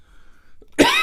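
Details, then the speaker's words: Adult male radio host with a scratchy throat coughing on air mid-talk, without a cough button. "Pardon me, I do have a scratchy throat, and I don't have a regular cough button set up here in this particular program. So my apologies."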